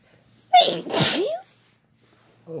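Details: A loud sneeze with a quick gasping lead-in and explosive release, then quiet, in a recording of repeated sneezes answered with "bless you" between a man and a woman; an ordinary sneeze.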